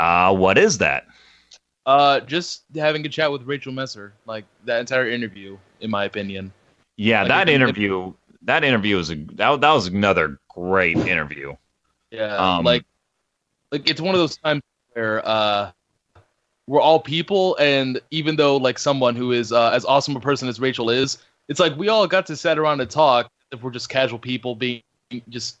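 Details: Adult male speaker; no speech disorder.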